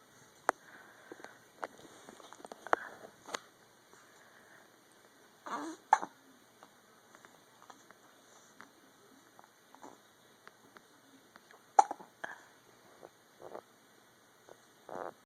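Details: Quiet, sharp hiccup-like catches repeating irregularly, about ten a minute, over faint room noise and tapping; hiccups.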